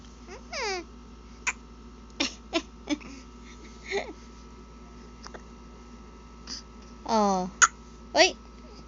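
Short, sharp, repeated catches in an infant's breathing mixed with babbling and squeals: baby hiccups during play.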